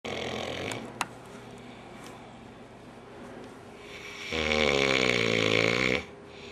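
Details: Man snoring, recorded as April Fools retribution: a single loud, rattling snore on an inhaled breath after a quiet stretch, with faint room noise and a brief click earlier.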